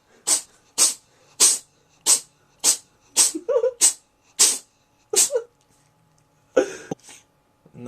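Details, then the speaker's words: Pet cat having a sneezing attack: a rapid run of about nine short, sharp sneezes in a row, followed by a snort. "hold on I'm being rudely interrupted by by epic sneezing"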